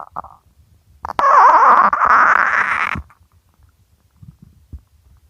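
A loud, drawn-out gurgling growl lasting about two seconds, with faint rumbles around it: a hungry stomach growling.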